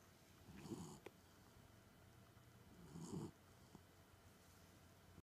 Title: Cooper snores